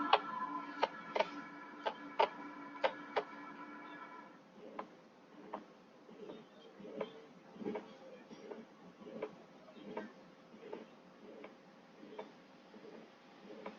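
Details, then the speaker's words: Pericardial friction rub, like two surfaces rubbing together, in a patient with pericarditis. The patient has pleuritic precordial pain that worsens with inspiration. "presenta un dolor político asociado a un frote pericárdico brotes como sin frotar en dos superficies ya algo más o menos así no ese es un frote pericárdico"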